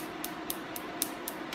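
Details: Sharp, crisp pops repeating about four times a second over a steady hum during a live tattoo removal treatment on an adult male patient, treating the inside of a letter O; tattoo removal laser pulses striking the skin.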